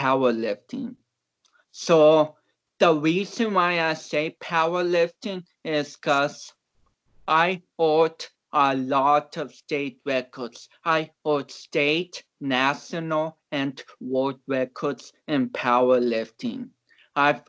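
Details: About 29-year-old male athlete with cerebral palsy, reportedly not expected to walk or talk; real conversational speech, transcribed with many garbled words, showing dysarthria due to cerebral palsy.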